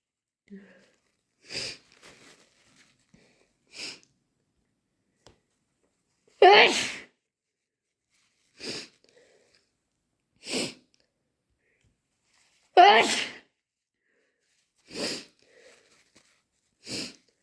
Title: Intense chhinkni sneezes and wet nose blows